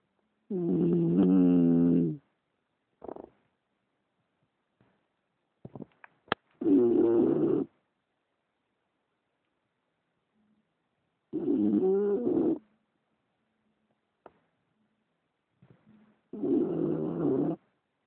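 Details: English bulldog asleep and snoring: loud, rattling snores roughly every five seconds, with quiet gaps and small snorts between them.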